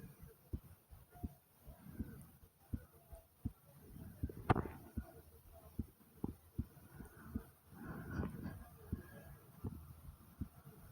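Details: Pounding heartbeat, strong and regular at around 85 beats a minute, with two soft gurgling stomach growls in between; a first for this person.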